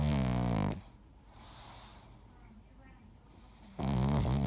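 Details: Sleeping dog snoring very loudly: two loud, harsh, vibrating, rattling snores separated by a quiet exhale.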